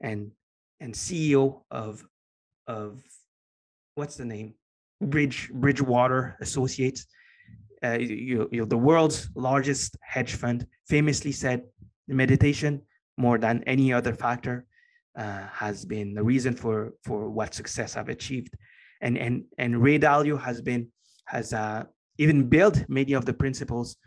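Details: Adult man with a lifelong stutter he has had as long as he can remember; with meditation practice he has more control over it and says it is now barely audible; stuttering.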